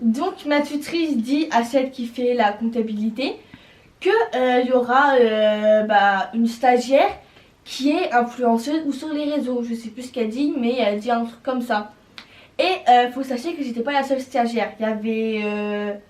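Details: Girl, young teen, speaking French; normal voice.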